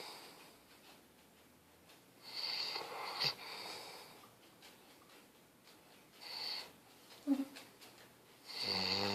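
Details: Small dog named Sei Tu asleep: soft, snuffly, whistling snores with quiet gaps between breaths; snoring.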